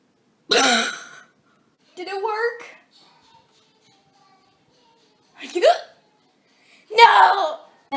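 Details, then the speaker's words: Acted hiccups in a comedy sketch: four short, abrupt vocal gasps spaced a few seconds apart in a quiet room. "I can't have I can't have the hiccups. The hiccups. The hiccups. I need to get rid of these hiccups."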